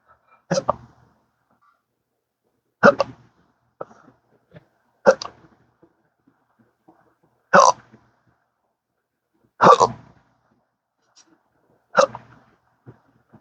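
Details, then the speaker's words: Adult with rare persistent hiccups since December 2015 after surgery with nerve damage, 12-hour daily episodes with occasional burps, worsened by talking; sharp abrupt hiccups repeating every two to two and a half seconds. "See I talk and it just goes crazy. Does not like talking."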